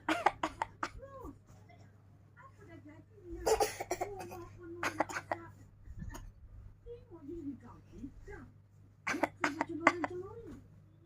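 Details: Young child imitating an elderly person's cough with short, rough, voiced coughing sounds; imitated cough.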